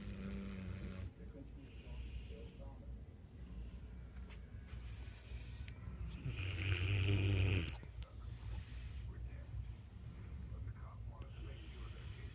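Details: Mastiff dog Rambo snoring at 3 a.m.: loud, low rumbling snore with a throaty, vibrating quality and a louder harsh snort partway through; ordinary snoring.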